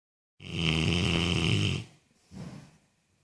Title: Funny dog ( snoring )